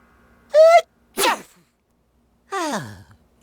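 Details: Acted cartoon sneeze from an animated sing-along song, not a real sneeze: a sharp inward gasp, then an explosive burst with a falling voiced tail.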